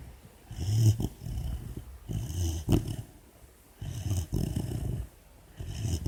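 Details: 4-month-old female Labrador puppy asleep with an ear bud in her mouth: low rumbling snores with each breath, about 30 a minute; sleep snoring.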